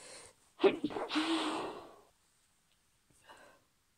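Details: Hay fever sneezes from a female, partly induced: a voiced catch and a forceful noisy blast, then a faint breath; sneezing.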